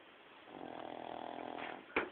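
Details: Snoring.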